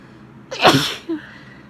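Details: A woman sneezing from spring allergies, with pollen and cold, rainy weather blamed: a single loud, explosive sneeze with a short inhalation before it and a small voiced sound after.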